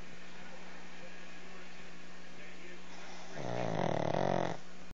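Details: Pug sleeping: room noise, then one loud, rattling, snorting snore lasting about a second; noisy upper-airway snoring in a flat-faced dog.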